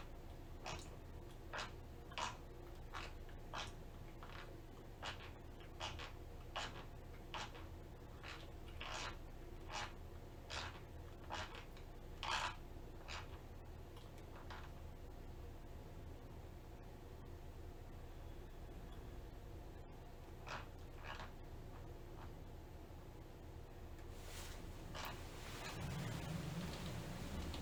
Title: Girl Sleep Bruxism (Teeth Grinding)